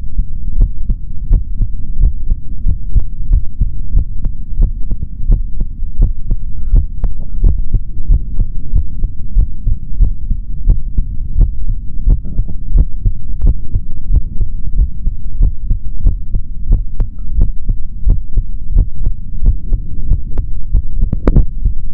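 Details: Male heart heard through a stethoscope: steady, regular soft thumps over a low hum; normal heart sounds.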